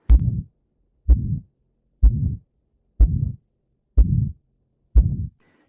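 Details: Aortic stenosis: regular heartbeat near 62 a minute, each beat followed by a harsh crescendo-decrescendo systolic ejection murmur at the right upper sternal border (2nd intercostal space).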